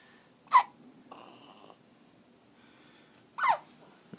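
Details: Puppy of unknown age in weeks hiccupping: two short, sharp gasping hiccups about three seconds apart in a quiet room, normal.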